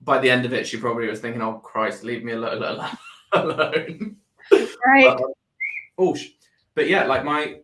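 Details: Adult man with Tourette syndrome that began about four years earlier after seizures and brain swelling, with motor and vocal tics plus a stammer that followed a loss of speech; Tourette syndrome with vocal tics and stammer.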